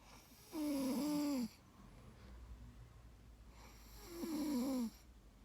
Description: OMG🐶😀she’s so cute while sleeping but u can’t sleep with her snoring 😴 😂😂😂